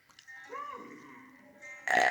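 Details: Acted cartoon burp from a 2002 Scooby-Doo production, not real: a drawn-out, croaking belch ending in a louder burst.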